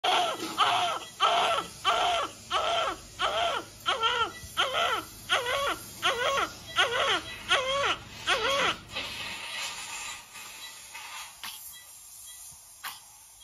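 Rhythmic newborn crying, about 12 cry bursts at roughly 80 a minute, then fading to quiet whimpers; an ordinary infant cry.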